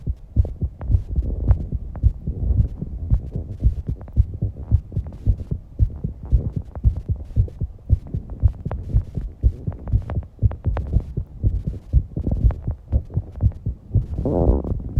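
Rapid heavy thumping heartbeat with breathing noise, roughly 110 beats a minute; a fast heart rate after exercise.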